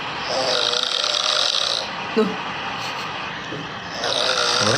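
Loud, harsh, raspy snoring with a doubled, layered quality, as if two snores at once, amid background noise; heavy snoring.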